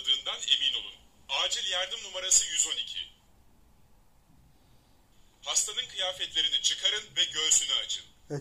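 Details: A thin, tinny recorded Turkish AED voice prompt tells the user to remove the patient's clothing and bare the chest. The defibrillator's batteries had died, and the unit was switched on running from an external adapter.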